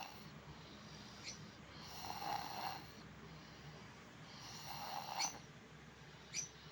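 Two slow, rough breathing noises a few seconds apart over steady room noise, fitting snoring.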